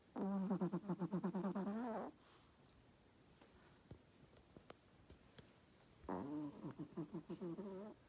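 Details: Chihuahua snoring beneath a blanket: two bursts of loud, fluttering, buzzing snores with quiet pauses between them.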